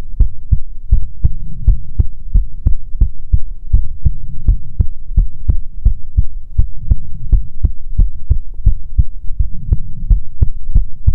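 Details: ASMR heartbeat recording: steady, regular heartbeat thumps, close and loud, over a low background hum; heartbeat.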